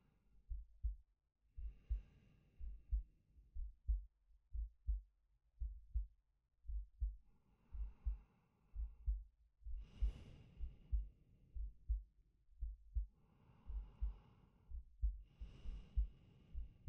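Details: Steady low heart thumps, about 60 a minute, with slow breaths in and out from a male, close-miked ASMR sleep-aid recording; normal heartbeat with breathing.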